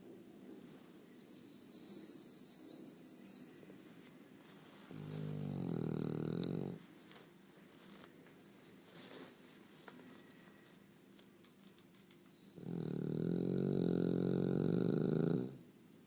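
Two long, loud rattling snores on the in-breath, separated by quiet breathing; a dog snoring in a small room.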